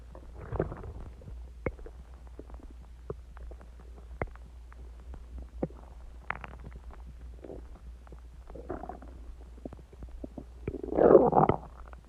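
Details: Self-recorded stomach growling about an hour after eating eggs and ice cream and drinking Coke: frequent gurgling and clicking with a longer, louder rumble near the end over a low hum; active bowel sounds (borborygmi).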